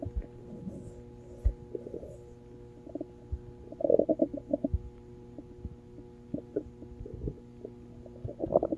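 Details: Brief gurgles and squeaky rumbles under a steady background hum: stomach growling (borborygmi).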